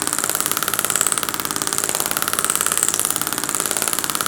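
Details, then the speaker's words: Radial shockwave (Storz MP100) to desensitise muscles beside the tibia, avoiding bone, aiming for 1000 impulses, in 23-year-old female runner with 4-month shin pain: rapid, steady, sharp tapping pulses, about three a second. "so let's start with radial shockwave which we're going to look into so i won't be going on the bone but mainly working on the sides"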